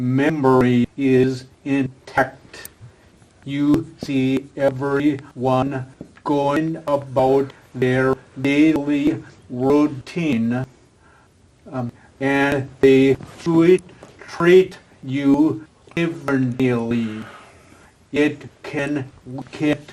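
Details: Adult man with aphasia following a stroke, a former professional attending an aphasia conversation group for support and communication practice; real patient speech showing aphasia.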